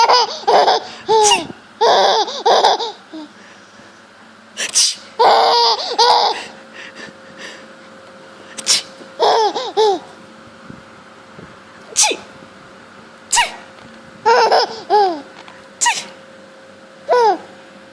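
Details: 6-month-old baby girl laughing at fake sneezes: several short, sharp, imitated sneezes, each followed by bursts of hearty baby laughter; simulated, not real sneezing.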